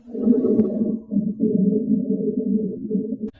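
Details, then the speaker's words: Rhonchi in a teaching example: low-pitched, deep, rumbling, continuous snoring-like breath sounds from secretions in the larger airways, often clearing with coughing. "let's listen and then we have ronkai think of a rhino they make low-pitched deep sounds this one is also continuous but it often clears with coughing let's listen"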